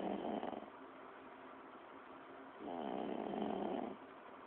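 Two long, rattling, low-pitched breath noises on a muffled recording; snoring during sleep.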